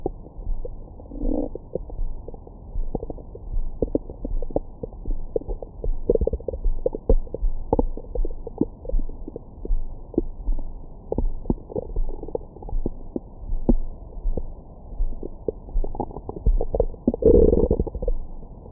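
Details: Bowel sounds recorded with a Stemoscope stethoscope microphone on the belly after a large meal: frequent gurgles, clicks and brief squeaky rumbles, active normal bowel sounds.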